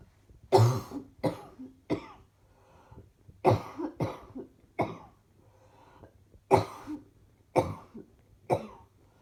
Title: Another set of clips from today's coughing